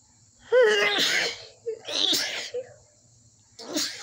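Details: Loud sneezing fit set off by dust after the nose had been itchy all day: three loud sneezes in quick succession, the first with a voiced rising 'ah' before the burst.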